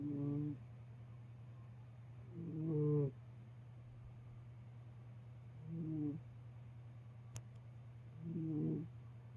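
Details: Soft, low, buzzing snores about every three seconds, roughly 23 a minute, over a steady room hum, from a sleeping pet cat; harmless cat snoring.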